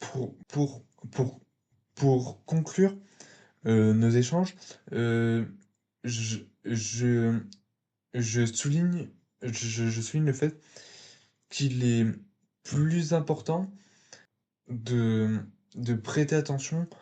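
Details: 22-year-old man who has stuttered since early childhood, which was marked by a slight speech delay; stuttering.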